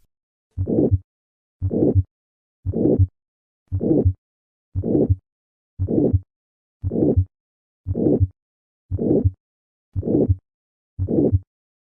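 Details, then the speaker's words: Aortic stenosis systolic ejection murmur, heard first at the second right intercostal space, then at the cardiac apex with higher pitch. It keeps its late-peaking diamond shape; Gallavardin phenomenon. "the murmur of aortic stenosis will on OCC occasion be audible at the cardiac Apex with a change in Pitch the gardan phenomenon despite this increase in Pitch this murmur retains its characteristic diamond shape"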